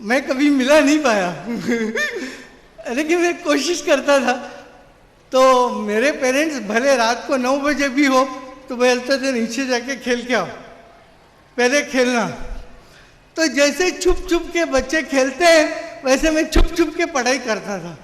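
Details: Adult man with severe cerebral palsy since birth who could not walk or talk as a child; dysarthria.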